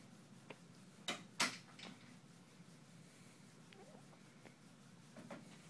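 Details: Day-one newborn girl in hospital with hiccups: soft, brief hiccup sounds, about six in a few seconds, with visible twitching. Common and normal.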